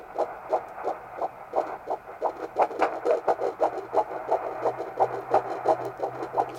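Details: Fetal heartbeat at 13 weeks of pregnancy on a home Doppler ultrasound (Hi Bebe): fast, regular whooshing thumps at about 175 beats a minute.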